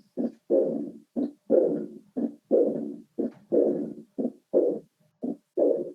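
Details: Austin Flint murmur in aortic regurgitation: regular heart sounds near 60 a minute, each followed by a long, rumbling diastolic murmur that fades out.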